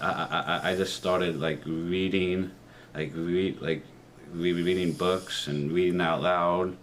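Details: 30-year-old man with a speech impediment since he began talking as a child, worse with new people and anxiety, with trouble on R and O sounds; speech therapy in middle and high school; stuttering.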